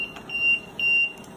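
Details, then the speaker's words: Repeated high-pitched beeps of the disconnect alarm on an LTV 1200 transport ventilator, signalling a loose or disconnected patient circuit line, often from untightened connections. "that there that is something in your line is disconnected"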